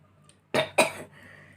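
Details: Two quick, loud, harsh bursts in close succession, recorded during a hiccup/burp challenge. Double cough.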